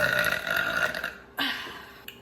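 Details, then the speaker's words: Person burping: a long, loud, rumbling burp followed by a shorter second one; belching. "I get the biggest double chin when I'm about to burp."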